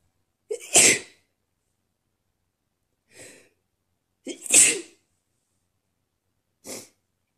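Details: Deliberate sneezes made on request, trying to sneeze "girlier", described as messier and wetter: two loud hissing sneezes, each followed by a softer sneeze, in quiet; sneezing.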